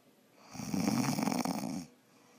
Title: Wife snoring